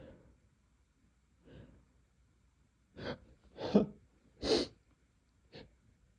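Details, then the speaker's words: Male with tickly, very intense sneezes, snorting and coughing between: short breathy intakes then three or four sharp explosive sneezes. "These sneezes are just so tickly right now. [snorts] Oh my god."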